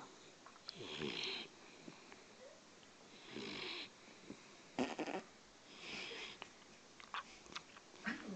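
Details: Boxer dog snoring: rough, noisy breaths every two to three seconds, about three snores with a brief snort in between.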